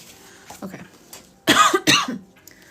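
Two quick, harsh cough bursts in a row, preceded by some faint throat sounds.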